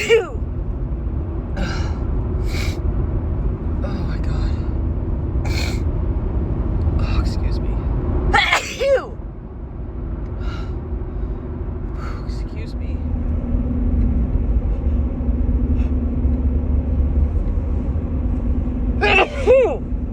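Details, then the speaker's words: Two sharp sneezes over steady car engine rumble, with quieter breathy sounds between, from a woman with March allergy sneezing that strikes especially in the car; repeated sneezing from allergic rhinitis. "Oh, God, these sneezes are huge."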